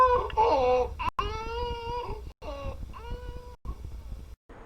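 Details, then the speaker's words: 11-month-old infant with croup: harsh, high-pitched inspiratory stridor with crowing breaths and short barking, seal-like coughs. "Here you might have heard a clear inspiratory stridor and a barking or seal like cough."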